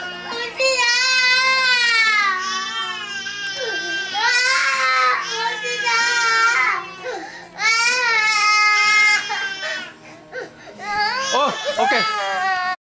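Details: Young child, who does not want to wear her clothes, cries in loud wailing bursts with short breaths between, faint music behind; ordinary upset crying.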